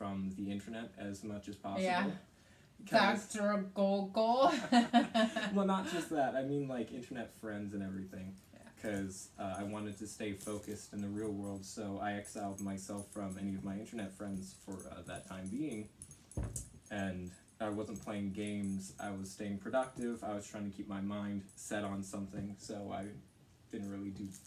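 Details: Teenage boy; typical speech.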